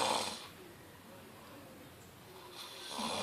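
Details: A man lightly snoring: breathy, airy snores with a quiet pause between them.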